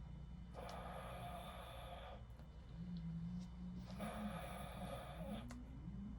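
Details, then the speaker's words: Adult imitates snoring, then thrusts the lower jaw forward to widen the airway; two soft, breathy airflow noises follow with little of the rattling flutter of a snore. "소리가 거의 없어진게 느껴지실 텐데 한번 제 영상을 보면서 같이 따라해 보시면 아 이렇게 기도박장 효과로 코골이가 사라질 수 있구나 하는 걸 느껴보실 수 있을 겁니다"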